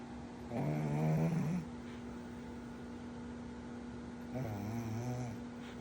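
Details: Pug puppy snoring while asleep: two drawn-out, rattling, buzzy breaths about a second each over a steady background hum.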